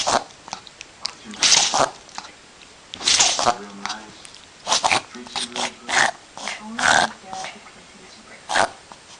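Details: A Chihuahua makes bursts of harsh snorting and sneezing noises, fitting sneezing and reverse sneezing episodes; reverse sneezing.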